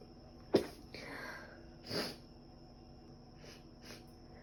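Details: Sneezing: one sudden explosive sneeze, an outbreath, then a second softer sneeze in a quiet room; the person thinks dust allergy is likely and also has a cold with cough and runny nose.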